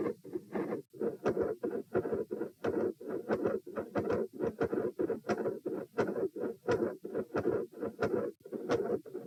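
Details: Heart sounds recorded at position P with the subject sitting, from a same-subject comparison study: fixed split S2 with extra heart sounds and clicks.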